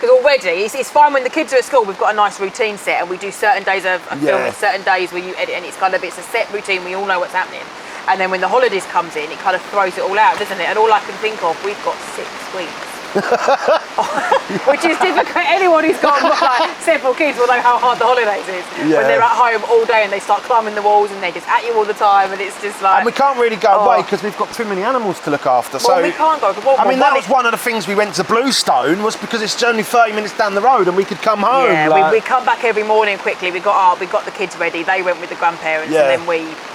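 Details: Adult woman speaking; typical speech.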